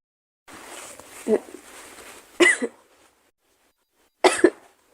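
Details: Girl: a breathy intake followed by two sharp explosive sneezes; ordinary sneezing.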